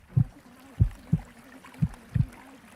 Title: Shifting Subliminal | Water and Heartbeat sounds